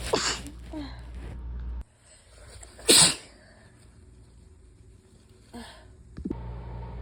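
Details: Sharp, small random sneeze bursts with background noise and a passing vehicle; plain sneezing.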